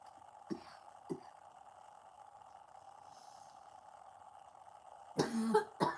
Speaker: Excuse me. It's not it's a dry cough.